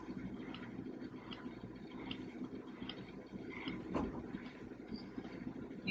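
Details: RH228 electric breast pump running: steady motor hum with regular rhythmic suction pulses; normal breast pump motor operation.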